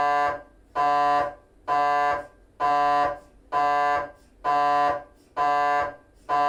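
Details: Temporal bone (Felsenbein) MRI on a GE 3T scanner, axial T1 3D FSPGR gradient-echo sequence: loud buzzing tonal bursts repeating steadily about 65 a minute with brief quiet gaps; normal MRI acoustic noise.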